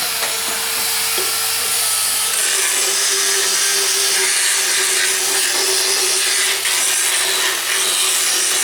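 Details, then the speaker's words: Loud grinding, buzzing rasp: a motorized float files the teeth of a horse during a routine veterinary equine dental procedure. "almost done we'll give him a little float and then he'll be in business"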